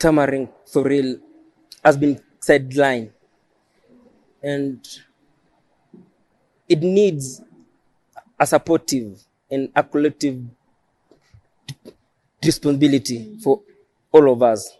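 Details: Adult man who stammers, self-described neurological stammering since birth; stuttering.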